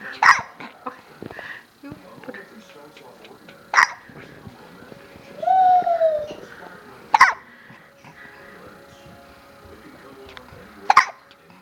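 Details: Baby girl with hiccups while falling asleep: four sharp, brief hiccups several seconds apart in a quiet room, with a soft infant whimper between them; hiccups.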